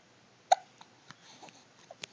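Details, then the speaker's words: Hiccups: one loud, abrupt hiccup followed by faint clicks and small catches in a quiet room. "You're squeaking. You sound like a toy. Yeah, you sound like a toy. You know, if you close your mouth, they're not as loud."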